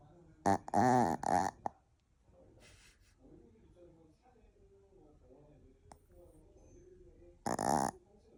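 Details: A sleeping puppy snoring: loud buzzing snorts, a cluster then one more, with quiet breathing between; ordinary puppy snoring.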